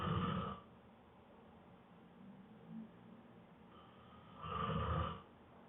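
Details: Adult man exhausted after a long day of work snoring hard right after falling asleep: loud, low rattling snores on each in-breath about four seconds apart, quiet breathing between.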